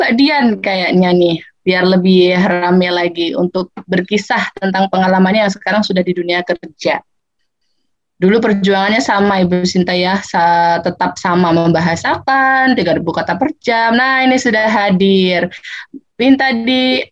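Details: Adult woman speaking; normal speech.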